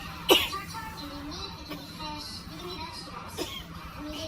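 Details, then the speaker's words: Acted, simulated attempt to hold in a bad cough in a quiet room like a classroom: two brief, stifled cough bursts over soft background music; suppressed cough. "You ever had a cough so bad, but you in like a really quiet room or something, like a classroom, and it's quiet as heck, and you ain't trying to be all loud, so you sit there like,"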